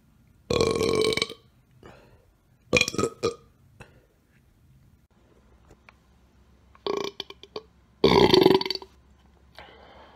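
Four loud, throaty burps in quick bursts, separated by near silence: belching.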